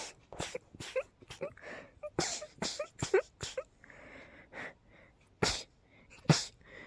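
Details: Rapid, over-the-top sneezing during a cold, with high pollen count and dust; a quick run of sharp, explosive bursts separated by brief inhalations, with faint breathing between them; repeated sneezing.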